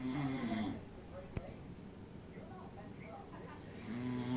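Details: Man snoring (he claims he doesn't snore): low rough snore at the start and end with quieter breathing between, in a small room.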